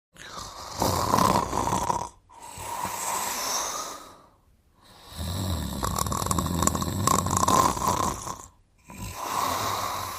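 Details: Cartoon character snoring in a 1986-1989 children's TV show (simulated): long, loud rasping snores of about two seconds each with short pauses, roughly 20 a minute.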